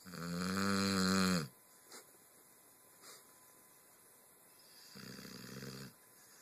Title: Z Snoring